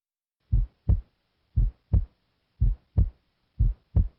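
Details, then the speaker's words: Normal S1 heard at the base with the stethoscope diaphragm during a cardiovascular assessment: regular lub-dub at about 58 a minute, the first sound softer than the second. "S1 is caused by closure of the AV valves. It is loudest at the apex and sounds like this. At the base, S1 sounds like"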